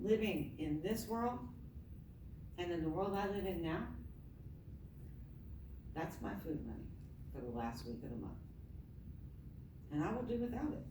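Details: Adult woman with myasthenia gravis since age 7, palate not working so air escapes through the nose, reading a passage apparently without her custom palatal device; hypernasal speech.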